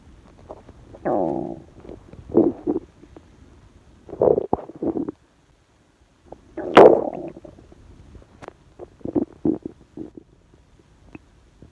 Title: Random Filming During Stomach Rumblings